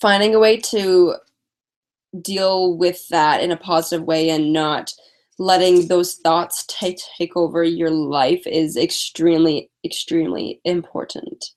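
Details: Stuttering in a female speaker who uses strategies such as prolonging words and talking slowly; she is tired.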